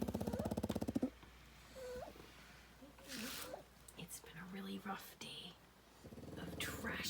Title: 6 napping dogs - Pugs snore SO LOUD 😅🥰